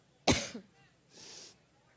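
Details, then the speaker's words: Single sharp, explosive cough from an adult woman speaking at a campaign rally, followed about a second later by a softer breathy exhale or rough air sound; she attributes it to an allergic reaction. "Families now now once I get over my allergic reaction let me say that we're here in part because we know how important this election is to Ohio"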